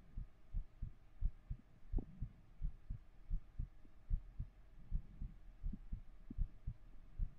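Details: Heartbeat recorded with a 3Dio binaural microphone during an ASMR stream: soft, low paired thumps, about 85 per minute, in a quiet room.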